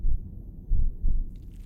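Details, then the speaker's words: Simulated ordinary heartbeat: deep, muffled thumps in near silence, with gulping and breathing, demonstrating internal body sounds of blood pumping once all external noise is removed. "When we remove all external noise, what we're left with... (heartbeats) (gulps) ...is internal noise. (breathing) That is the sounds of our body. The blood pumping through your veins."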